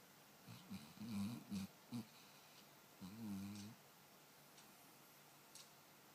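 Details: Snoring while dreaming during sleep: a few short, throaty snorts and one longer rumbling breath in a quiet room.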